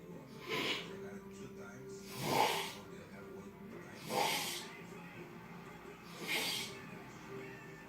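Four noisy, gurgling snorting breaths about two seconds apart, roughly 30 a minute, over faint background music: loud snoring.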